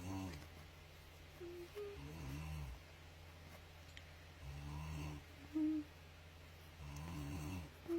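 Soft, low, fluttering snores that come and go irregularly, about 26 a minute, over a steady room hum.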